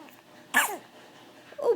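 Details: A single infant sneeze from a baby almost 3 months old who is also cooing and smiling: a sudden, hissy burst with a brief voiced tail in a quiet room.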